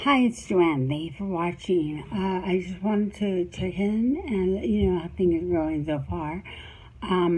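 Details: Woman with cerebellar ataxia, diagnosed about eight months before a first recording, recorded about four years later with speech slightly worse; speech varies between words, some syllables and phonemes too long, others compressed: ataxic dysarthria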